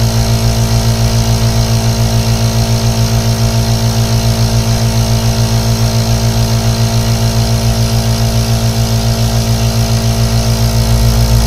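A loud, steady, rapidly pulsing motor hum from a nebulizer compressor running continuously.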